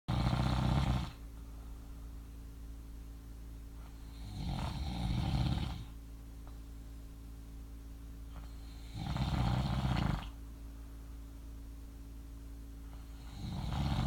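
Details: Loud, rough snores on each breath in, about 13 a minute, with quiet breathing out between them; steady snoring during sleep by a sleeper who denies snoring.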